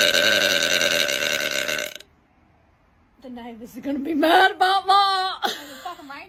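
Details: A woman's long, loud, rumbling deliberate belch, then a pause and a second drawn-out, wavering burp; repeated belching.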